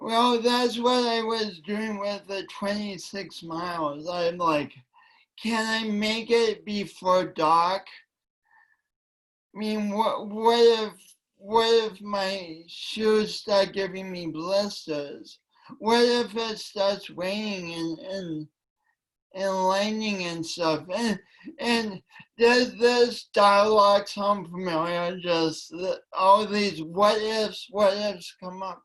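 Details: Dysarthria from cerebral palsy present since birth in a male speaker, attributed by him to oxygen loss from a kinked umbilical cord; he calls it a speech impediment and says it affects his voice and coordination.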